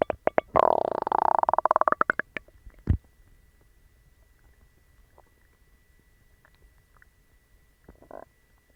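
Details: Stomach growling in a person after eating dog treats, which caused a bellyache and loose bowels: loud rapid bubbling gurgle with a sliding groan for about two seconds, then a brief final gurgle; borborygmi.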